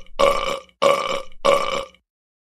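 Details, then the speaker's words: Simulated cartoon burps in a classroom scene: three long, loud, gurgling burps in a row, each about half a second; a cartoon sound effect. "and who burped in my class not me i think queen alina burped in class"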